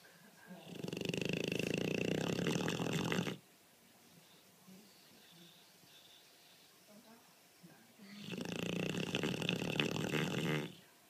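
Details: One-year-old Dogue de Bordeaux sleeping: two long, loud, rattling snores with a quiet pause between them; typical large-dog snoring.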